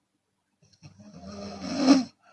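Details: Chinese woman snoring with open mouth, sometimes on exhalation: a single rough, rattling breath lasting about a second, building in loudness; open-mouth snoring.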